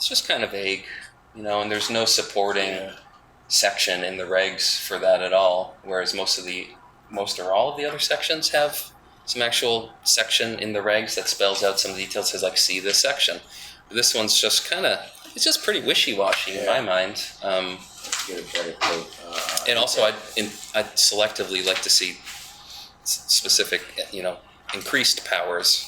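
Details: Adult man with self-reported spasmodic dysphonia, which he calls basically localized epilepsy; he links his voice problem to his years in the ski industry and a cliff fall in an extreme skiing championship that left his throat "gunked up."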